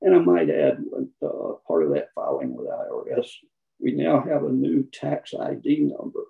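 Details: Man with spasmodic dysphonia, who counts himself among people with the condition; the finding is spasmodic dysphonia.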